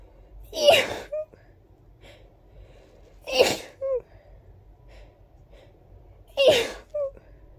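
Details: Three big, wet, explosive sneezes about three seconds apart, each followed by a short breathy after-sound: repeated sneezing.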